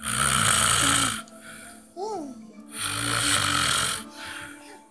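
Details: A loud sleeper snoring: two long, loud, rasping snores with a short quiet gap, music in the background. Snoring.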